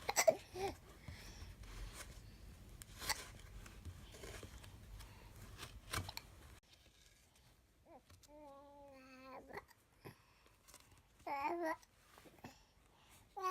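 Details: A child has hiccups while saying morning prayers and reading to his dinosaur: brief, abrupt catches of breath among babbling and soft voiced sounds.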